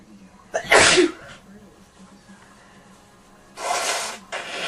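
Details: Person in bed with a cold sneezing: one forceful sneeze, then a quieter sneezy burst and breath, in a quiet room with a low hum.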